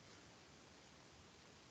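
After quiet room noise, a single short, low, dry thud is heard: a dull percussion note over the thigh, a normal finding over large muscle.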